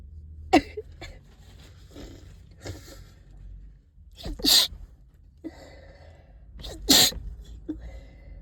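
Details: Congested person, stuffed up all day, sneezing in a closet: several stifled sneezes with wet sniffing between, loudest two near the end; possible thuds from body movement.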